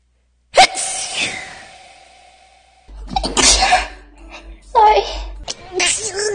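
One sharp explosive sneeze with a fading airy tail, followed by speech; an ordinary single sneeze.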